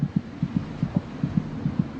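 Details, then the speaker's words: Fetal heartbeat at about 26 weeks of pregnancy picked up on a monitor: fast, regular whooshing thumps at about 150 a minute, roughly twice the mother's rate. "The baby's heart beats about twice as fast as her mother's. Monitoring her heartbeat gives a good indication of her general condition."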